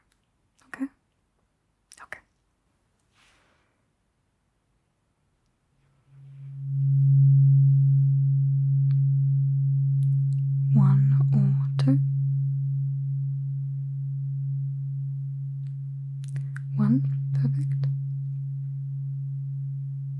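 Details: ASMR roleplay cranial nerve exam, eyes closed, binaural: soft taps, then a struck low tuning fork hums steadily and slowly fades as a second fork is introduced to ask one or two; simulated hearing test tuning fork tone.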